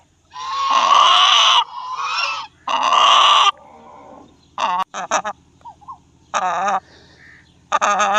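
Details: Chicken with excess throat mucus: harsh, raspy honking bursts and gurgling rattles from the airway; heat stress is mentioned as a possible cause of such respiratory problems.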